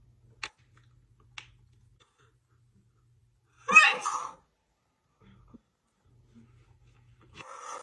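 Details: Sneezing fit: two faint catches of breath, then a loud, sharp sneeze with another starting, part of a woman's sneezing fit lasting about 2 minutes 27 seconds.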